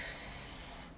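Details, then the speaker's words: Imitated normal vesicular breath sound on inspiration, a soft, steady airy hiss of air entering the lungs, from an ICU lung auscultation lesson. "então durante uma inspiração o ar vai entrar você vai escutar o som do ar"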